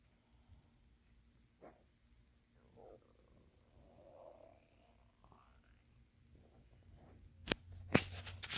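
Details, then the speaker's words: Adult's stomach growling (borborygmi): soft, low gurgling and squeaky rumbles, then two sharp knocks from nearby handling. "you couldn't hear that what it was my tummy growling"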